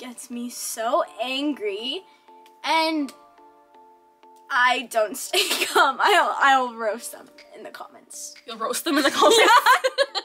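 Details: Child and adult talking, with background music; ordinary speech.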